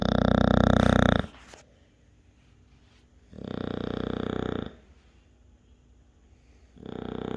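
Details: Snoring clips, top three.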